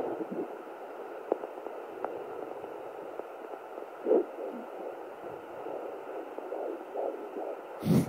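Steady doppler hiss with slow, soft whooshing swells from the mother's own pulse, a normal finding.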